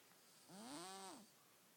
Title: Cat Snore Symphony